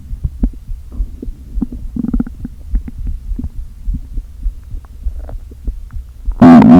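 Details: Stomach noises from a person who had not eaten all day, with air deliberately inflated into the stomach: gurgling, bubbling and low groaning ending in a loud burst; bowel sounds.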